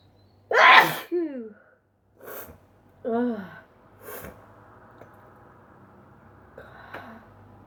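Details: Sneezing fit induced by dust: a forceful sneeze with sharp intake, a second sneeze, then a softer third burst with sniffs, in a quiet room.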